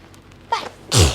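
Two sneezes in quick succession, a short one then a louder forceful one, typical of hay fever sneezing.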